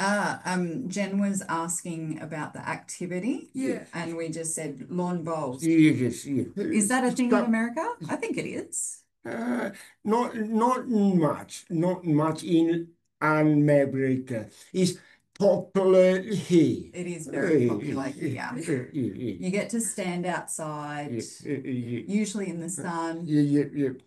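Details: Adult man with aphasia after a stroke 6 years ago, hospitalized 6 months; he reports difficulty speaking and has not read anything since.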